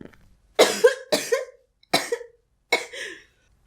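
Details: Repeated cough: four loud, harsh cough bursts over about three seconds, some with a double push and a voiced tail.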